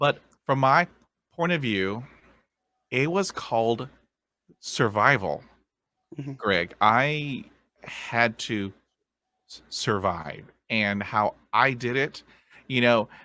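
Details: Stuttering in a man of about 50, present since a dog attack with head injury at age five. It was initially severe and treated with speech therapy in the 1970s; he uses tapping and accents to get through blocks.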